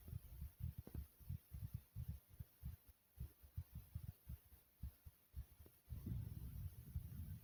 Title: Pumping Heartbeat Sound (earphones required)